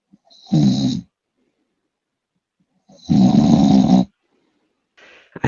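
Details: Young male friend asleep, giving two loud, rough rattling snores on in-breaths about two and a half seconds apart, with silent pauses between; snoring.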